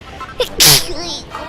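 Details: Single sharp adult sneeze during a live stream: brief intake, then an explosive hissing burst.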